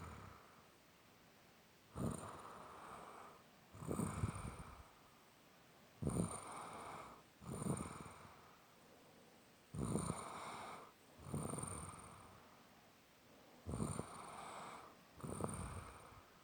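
Rough, rattling snores on each breath in and out, about 8 breath cycles a minute, with a quiet room between.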